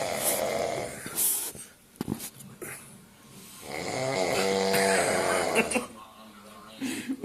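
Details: Heavy snoring from a sleeping man: a loud, rattling, buzzing snore on a long breath, with snorts and breath noise around it.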